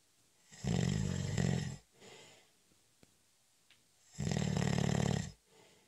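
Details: Heavy snoring during a short nap: two long, loud, buzzing snores on breaths in, each followed by a softer breath out.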